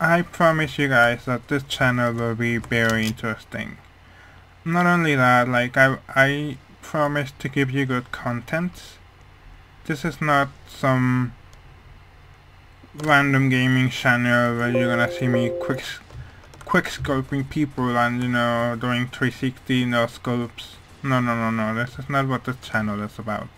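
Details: Male speaker who says his voice sounds as it does mainly because of a hearing problem, not his accent; speech of a person with hearing loss.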